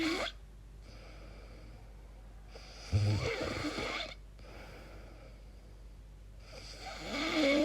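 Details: Person recording their own sleep, unsure whether it is snoring or sleep apnea: irregular noisy breathing with rough snorts on some breaths and quiet stretches between; very strange sleep noises; snoring.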